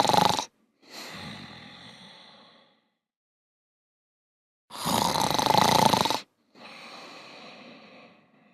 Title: Sleepy robots snoring (pj masks)